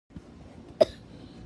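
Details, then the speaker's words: Person who says they are sick, low on energy and coughing a lot: a single short, dry cough burst against quiet room noise; cough. "as you can tell by my voice i'm not very energetic and that i'm coughing a lot yeah i'm sick"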